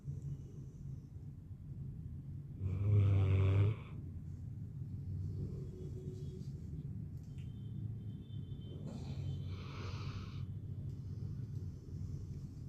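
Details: A sleeping dog's low, steady rumbling breaths with two louder, snorting snores over a constant low hum; dog snoring.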